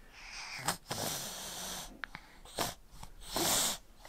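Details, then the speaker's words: 5.5-month-old boy, sick and teething, breathing through his mouth more than his nose: short noisy snuffly breaths with bursts of snorting and sneeze-like sounds; congested infant breathing. "he's literally like breathing through his mouth more than actually through his nose"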